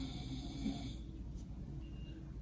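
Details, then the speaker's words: Low, rough rumbling breathing from a sleeping adult man in a hospital room, with faint room hum behind it: snoring. "If you can hear him snoring in the background, I've already told him to stop, but of course, he just can't."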